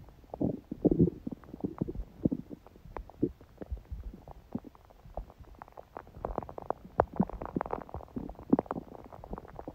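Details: Quiet stomach sounds recorded on a day with a smoothie breakfast and salad, little hunger growling: frequent soft clicks, pops and low gurgles throughout; ordinary bowel sounds.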